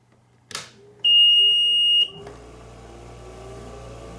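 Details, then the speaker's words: Click, then a loud steady high beep for about a second and a low machine hum as a home oxygen concentrator starts up; prescribed for a mother after pneumonia, set at two liters per minute. "so let me plug this in for a second so let me turn this on it makes a loud beeping sound when you first turn it on"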